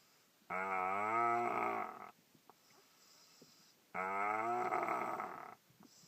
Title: Snoring boy sounds like cow